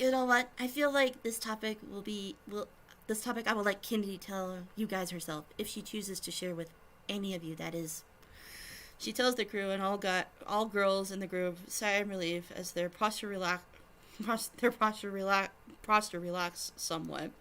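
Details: Woman reading aloud who calls her stuttering just her way of reading; repetitions audible; stuttering (disfluent reading).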